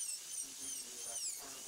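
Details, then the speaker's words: Dental drill expanding the coronal access cavity after penetrating the pulp chamber, avoiding the pulp floor, in endodontic access: faint high-pitched whine shifting in pitch as it cuts. "expand the coronal cavity access slightly avoid Perforating the floor of the pulp"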